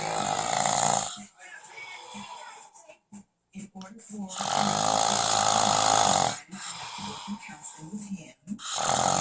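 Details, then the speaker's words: Loud, harsh, rattling snores on each breath, separated by quieter gaps, from a sleeping man who denies he snores: heavy snoring. "that tomorrow when I tell him he's snoring he won't believe it"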